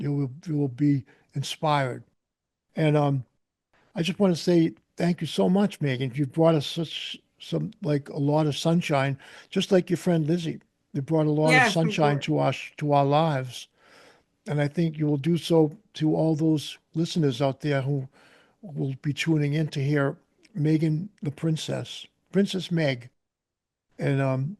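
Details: Adult man speaking; typical speech.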